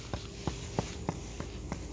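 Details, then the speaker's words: Veterinary teaching demonstration of percussion on a cow's side: six dull taps about three per second; the tone changes where the abdominal cavity ends and the lung field boundary begins, located along the intercostal spaces counted from rib 13. "cambia sonido donde cambio sonido es porque se terminó la cavidad abdominal y están los límites pulmonares"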